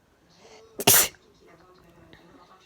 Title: Weird sounding sneeze